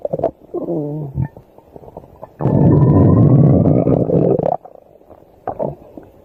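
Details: Stomach growling during sleep: a loud, drawn-out, low rumbling growl lasting about two seconds, with shorter gurgles before and after. Normal borborygmi.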